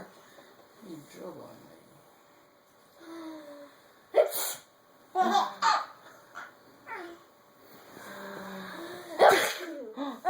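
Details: A child making fake sneezes, a few sharp high sneezes, while a baby laughs amid soft voices in a room.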